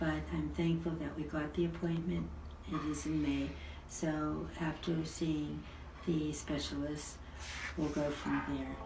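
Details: Adult woman speaking; normal speech.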